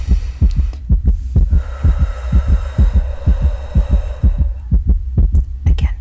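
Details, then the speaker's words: Real heartbeat heard through a stethoscope in an ASMR doctor roleplay; the listener is anxious and restless at night. Quick, regular thumping, a little fast, with a soft hum behind, heard after a breath in: rapid heartbeat. "okay well your heart is definitely beating a little fast"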